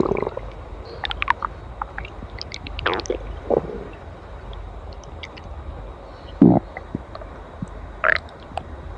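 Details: Stomach growling: scattered short gurgles and squelches over low background noise, ordinary bowel sounds.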